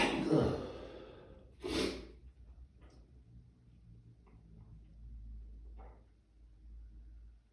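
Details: Two loud sneezes in quick succession followed by soft breathing and sniffles, attributed to allergies in warm weather; sneezing fit.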